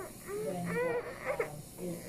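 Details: Child at a dental appointment whimpers and cries in short, strained bursts with breathy sobbing while being told to breathe deeply through the nose during a pinching numbing step; child crying.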